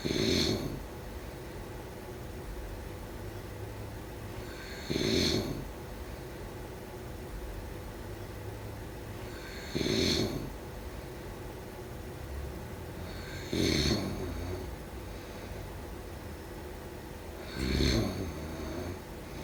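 Five loud rattling snores over about 20 seconds, roughly 15 breaths a minute, with quiet breathing between: snoring during sleep.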